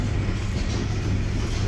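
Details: Steady low motor hum and rumble from a shoulder and elbow continuous passive motion machine running through set flexion and extension degrees in a demonstration.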